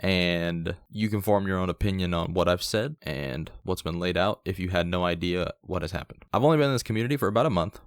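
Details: Adult male speaker; Normal speech.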